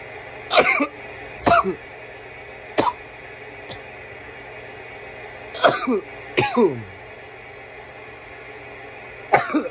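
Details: Coughing fit after inhaling smoke from a bong: several short harsh cough bursts in quick runs, some paired, with quiet gaps between.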